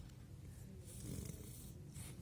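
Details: Snoring in a patient being treated with a mandibular advancement device for snoring and sleep apnea.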